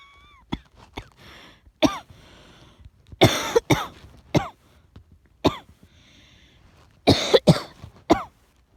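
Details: About ten short, sharp coughs in irregular bursts, some in pairs. Asthmatic cough.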